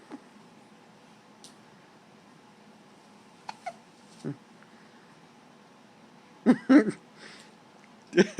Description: 1 week old with hiccups. Super cute!